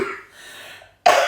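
A single abrupt cough burst from an adult acting as a simulated patient, after a brief trailing sound.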